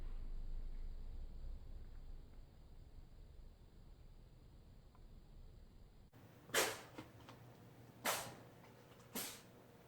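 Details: Cat sneezing and slinging snot: three sharp sneezes after a quiet stretch, with wet spraying sounds; sneezing.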